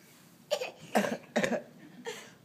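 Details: A young girl gives three or four short, light cough bursts, deliberately faked in play. Fake cough.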